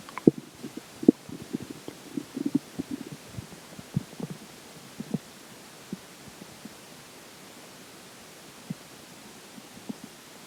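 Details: Digestion after pizza for breakfast and McDonald's for lunch: irregular soft gurgles and clicks from the abdomen, busier at first then sparse; ordinary bowel sounds.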